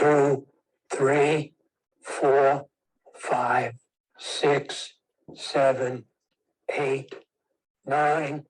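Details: Older adult man counting aloud; presbyphonia (breathy aging voice).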